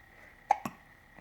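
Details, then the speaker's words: Happy baby with hiccups in the morning; two short, sharp, soft vocal catches in quick succession in a quiet room. Infant hiccups. "Do you have the hiccups? Yeah, do you love the hiccups?"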